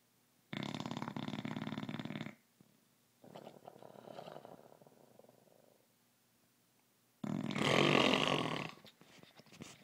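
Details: A very loud snore that keeps the owner awake: loud rasping snores on the breaths, with a softer fluttering sound between them; snoring.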